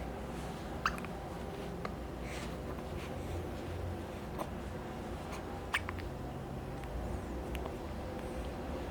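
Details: Hiccups in a tiny newborn girl aged 4 days: brief sharp hiccup sounds recur every second or two over steady room hum.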